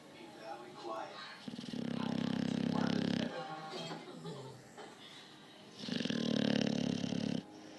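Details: Adult snoring: loud, rattling snores about four seconds apart, each long and raspy, with softer breathing sounds between.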